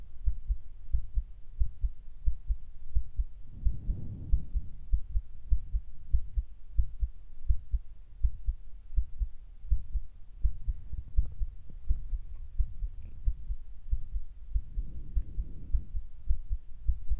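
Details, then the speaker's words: Carotid pulse heard at the neck, described as beating faster than before recording: steady, quick low thumps, about two beats a second, with occasional breathy swishes. "sorry if my heartbeat is fast, because I don't know why it's beating fast."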